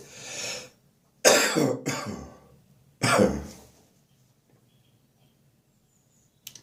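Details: Morning cough during a spring cold, described as increasingly chesty and wheezy: three harsh, wet-sounding coughs with a short rasping tail, though no clear wheeze is heard; chesty cough.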